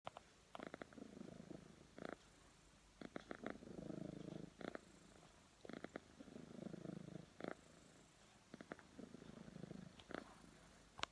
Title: Cat snoring